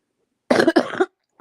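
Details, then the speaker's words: A single harsh, barking croupy double cough from an adult sick about a week, illness beginning with sore throat that has resolved, leaving a lingering cough. "But my throat's not sore anymore, Jonathan. It's just this cough I'm trying to get rid of."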